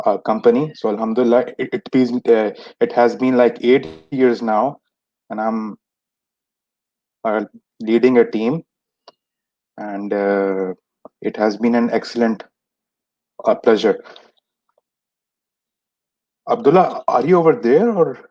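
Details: Adult who has stammered since age 6, with many speech therapies that did not help; stuttering.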